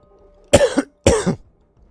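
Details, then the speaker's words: Adult with a persistent cough that won't go away, recorded while talking during a video game session; two harsh, forceful coughs in quick succession. "so I'm gonna be coughing quite a bit throughout the episode and I apologize for that because I know that that can be annoying"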